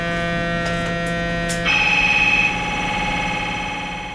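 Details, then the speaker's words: Functional MRI brain scan of a volunteer lying with her upper body inside the scanner: loud buzzing, droning tones with rapid pulsing and a sudden shift in pitch; fMRI scanner noise. "the sound of a functional MRI scanner magnetic resonance imaging MRI is a test that uses powerful magnets and radio waves to create detailed pictures in this case of the brain"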